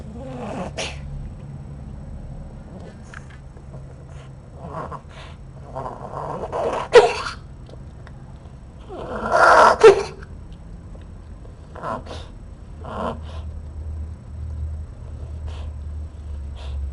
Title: Snarfly sneezes evening 2016-07-06